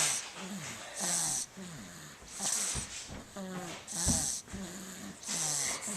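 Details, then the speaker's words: A baby girl snoring loudly during a nap, asleep on her mother after a long day of play: repeated noisy, snorting breaths, about 45 a minute, with a hissing high-pitched edge. "see this is and she's snoring this is snowing it's kind of loud too she's sleeping on Mom"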